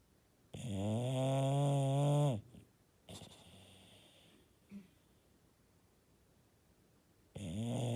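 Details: Sleeping bulldog snoring: loud, low, buzzing snores on breathing in, with quiet breathing out between them; snoring.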